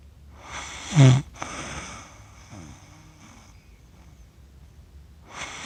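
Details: Accidental 47-minute recording of a person asleep, who describes their own snoring as funny: a loud snorting snore, then quieter rattling and whistling breath sounds, and another snore starting.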